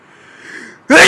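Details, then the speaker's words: Single loud adult sneeze after a quiet, breathy build-up, recorded outdoors; the person reports outdoor allergies, an itchy, stuffed-up nose and repeated sneezing. "oh I always just get so Sneezy when I'm Outdoors oh here comes another one oh it just makes my nose so itchy"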